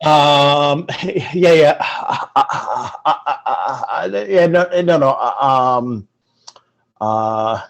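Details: Stuttering in an adult man, onset around age six or seven, speaking in an interview.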